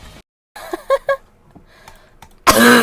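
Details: Girl coughing; a quick run of three short, voiced coughs, then a louder, harsher cough burst at the end in an otherwise quiet room: cough.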